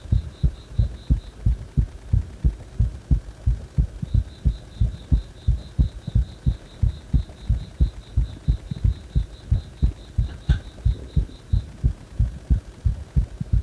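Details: Heart that stays fast even after release from compression: fast, regular, deep heartbeat thumps with a high beeping tone over them; rapid heartbeat.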